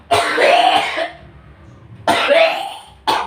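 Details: Adult deliberately fakes a cough: two or three forced, throaty cough bursts with pauses between them; voluntary cough.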